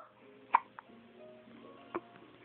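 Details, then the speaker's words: Baby girl's hiccups while awake and looking at the camera: two soft, abrupt hiccup bursts about one and a half seconds apart over quiet background music; infant hiccups. "Hey Do you have to hickup do you have to hickup"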